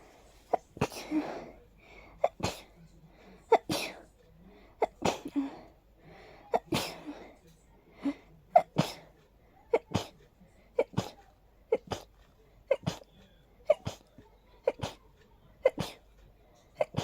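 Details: Allergy sneezing fit, described as unusually intense, like a swirling irritation in the nose, settling about 5 minutes later: a rapid run of about twenty sharp, explosive sneezes, some with a short indrawn breath, nearly one per second.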